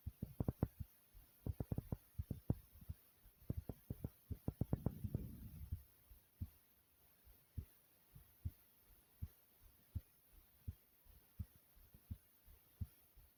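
Strong, thumping adult heartbeat, settling into a regular rhythm of about 85 beats a minute.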